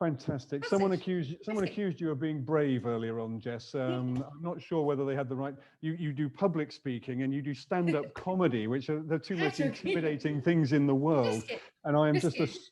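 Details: Adult male speaker; ordinary speech.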